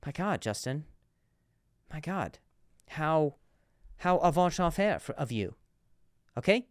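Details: Male comedian hosting a podcast about his stutter; repeated words; stuttering.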